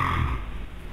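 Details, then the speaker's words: 44-year-old man with severe snoring and sleep apnea, sleeping face down so no apneas occur here: loud, low, rough snoring rumble from a narrowed airway. "이분은 이제 심한 코고리 첫 번째 문제고 두 번째는 잠을 자다가 숨이 멈췄다가 쉬는 수면 무호흡증이 증상으로 심 코고리를 동영상으로 한번 보겠습니다"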